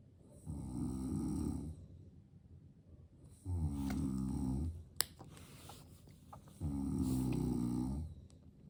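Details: Father sleeping peacefully, with a baby nearby: three loud, rough, rattling inspiratory snores with quiet gaps, about 20 breaths a minute, in a quiet room; snoring.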